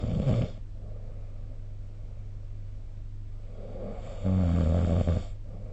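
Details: Low, rattling snores on inhaled breaths with a steady background hum, from a sleeping adult, recorded with the SnoreLab snoring app.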